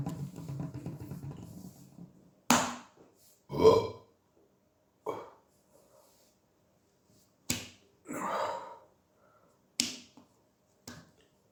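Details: String of short and drawn-out belches separated by quiet pauses in a small room after chugging Coca-Cola; repeated burping.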